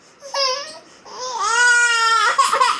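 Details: Short rising wails, then a sustained fussy cry from a 9-month-old baby boy who is irritable, teething and refusing milk; infant crying.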